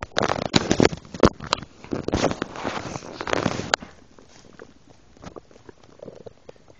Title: Stomach noise with milk